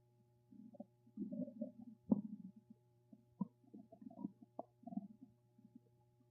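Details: Low gurgling and bubbling bursts coming and going over a steady faint hum; typical stomach rumbling (borborygmi).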